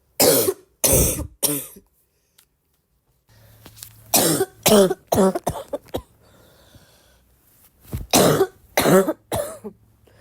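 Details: A persistent repetitive cough: three clusters of short, forceful coughs, about eleven in all, separated by quiet pauses. The person says the more they cough, the more they feel like coughing.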